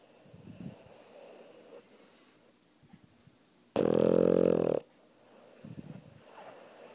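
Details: Puppy asleep on its owner: quiet snuffly breaths, then one very loud buzzing snore about a second long, then softer breathing again.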